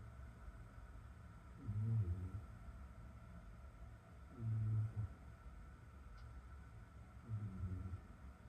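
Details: Low, rumbling snores with each breath, about 21 a minute, over room hum, from a cat sleeping in a bath.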